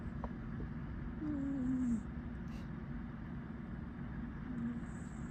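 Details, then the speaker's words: Cat snoring: steady low rumble with a brief whistling, rising tone on one breath and a fainter repeat later; owner remarks how loud the snoring is, cat has heavy eye discharge. "いびき聞こえるかな。おっさんですね、キャスちゃん。いびきすごいですね。"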